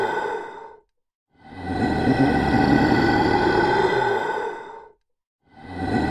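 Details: Elderly grandfather snoring after a meal: loud, rough, rattling breath noises, each lasting several seconds, separated by brief silent pauses; heavy snoring.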